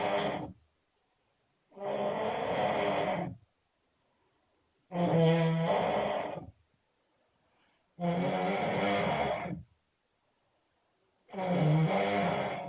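Loud, deep, rattling snores on each breath in, about every three seconds with silent pauses between: heavy snoring.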